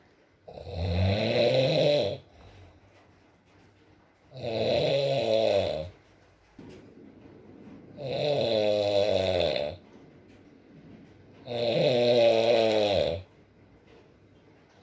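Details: Adult man (boyfriend) asleep, ASMR recording with rain: four loud, rattling, vibrating inhalations, about 17 a minute, with quiet breathing between; typical sleep snoring.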